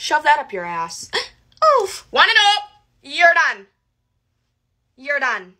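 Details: Woman with Tourette syndrome producing repeated involuntary vocal phrases and swearing; she reports focused activities help minimize her tics; vocal tics with coprolalia (Tourette syndrome).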